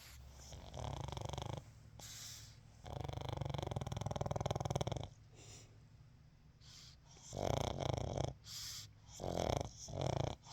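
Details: Pug snoring: loud, rattling, snorting snores with uneven breaths and wheezy edges typical of a flat-faced breed.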